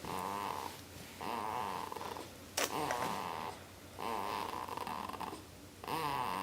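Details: Sleeping 2-week-old baby: rhythmic nasal snoring with a vibrating, purr-like quality, about four cycles over six seconds, in a quiet room; snoring.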